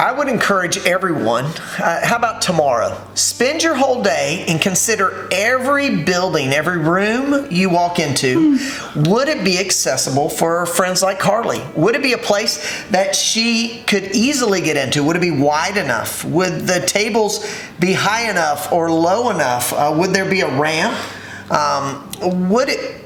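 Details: Adult speaker; ordinary speech.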